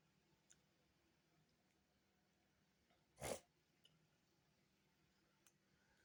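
One loud, sharp sneeze in a quiet room, followed by a few faint sniffs.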